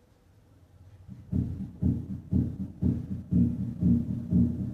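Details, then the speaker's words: Dog with pulmonic stenosis: regular heartbeat near 120 a minute, with a split second sound, persistent splitting of S2. "la pilari Asis es una causa común de desdoblamiento persistente de s2 en el perro escuchemos primero a 60 latidos por minuto"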